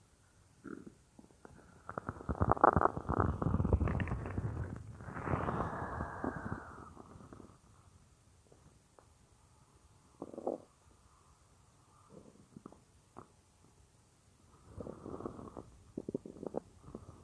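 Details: Stomach-growling roleplay (F4A) of lying on a woman's stomach as she works at a computer; her own naturally loud stomach gives a long gurgling rumble, then shorter bubbling gurgles: normal borborygmi.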